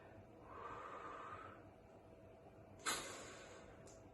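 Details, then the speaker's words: Metered dose inhaler technique demonstrated: inhaler shaken, slow exhalation away from the inhaler, pause, then a sharp hissing puff pressed at the same moment as breathing in. "Then you put it in your lips and you press it, and at the same moment you press it, you breathe in. I'm now going to show you that. So I'm shaking it, checking the hole, breathing out."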